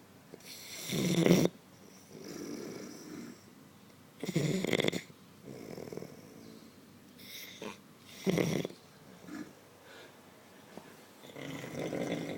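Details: Sleeping man snoring in a quiet room, not woken by it; repeated harsh, rattling snores on the in-breath with softer out-breaths. Snoring, stated not fake.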